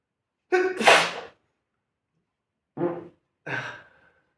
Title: Small fart And sneezing